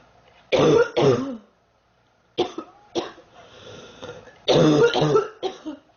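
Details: Girl who says she is sick, feels hot and mentions 3 weeks: two bursts of harsh, chesty coughing, several coughs each, with a pause between, persistent cough.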